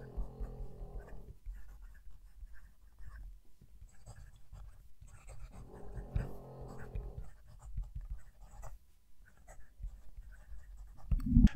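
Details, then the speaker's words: Dog snoring softly in two low rumbling bursts while a fountain pen nib scratches across paper nearby; snoring. "I'm being very picky with that not sure if he could hear it over the sound of the dog snoring but the nib sounds as if it's singing as it's going across the page"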